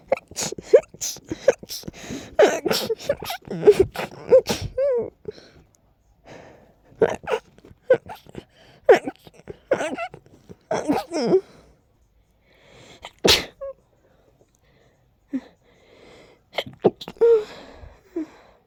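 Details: Breathy, held-back stifled sneezes with catching inhalations and build-ups between them, from allergies acting up with a very tickly nose.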